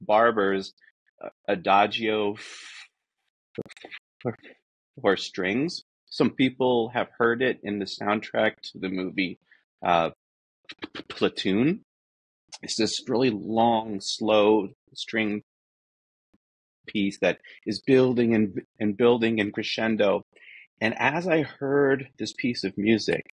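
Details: Adult man who says he is a person who stutters and that his disfluencies are simply how he talks, not a recording glitch; stuttering.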